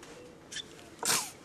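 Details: A baby's first sneeze: a small breath-in followed by one short, sharp burst of air, a single infant sneeze.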